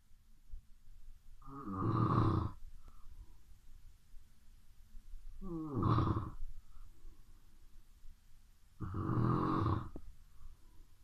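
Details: Midnight snoring: loud, rough snores recur about every three to four seconds, roughly 18 a minute, with quiet breathing between.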